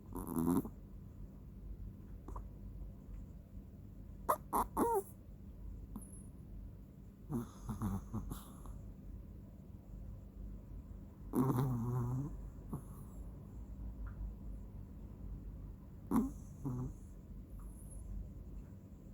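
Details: Soft, irregular snuffling snores with short squeaky noises at intervals in a quiet room; snoring while asleep.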